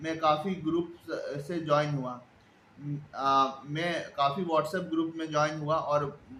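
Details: Stuttering in an adult man who has stammered since childhood.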